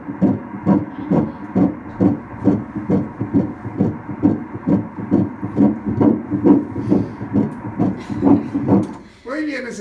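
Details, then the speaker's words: Fetal heartbeat on Doppler ultrasound in a twin pregnancy, with both hearts heard (fetus A at 124 bpm): rapid, regular whooshing pulses, about 133 a minute, ending with a brief voice. "Escuchamos los dos corazones. Chiquito, ya suena así."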